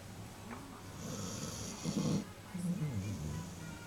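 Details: Loud snoring from a sleeping puppy, heard from the lounge: short, low, snuffling snores with faint background sound.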